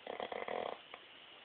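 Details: Dog snoring (a Boxer, or a Bugg dog per the title) while napping alongside another dog: one short, fluttering, rattly snore on a breath, then quiet.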